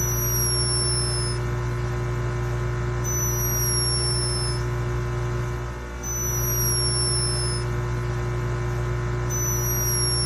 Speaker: saat kolibri miliknya sedang tidur tanpa disangka ternyata koleganya itu terekam sedang mendengkur